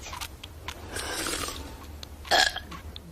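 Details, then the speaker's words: Kids' burping contest: a drawn-out voiced burp, then a shorter one, over background noise. "what are you kids doing now we're having a contest mom what we're having a burp contest mom wow knock it off I do not allow burping in this house"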